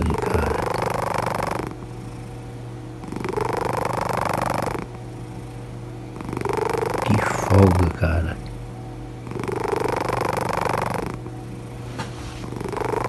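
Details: Sleeping cat snoring loudly and steadily at about eight breaths a minute, with a buzzing rattle on each breath in and out; a relaxed cat snoring.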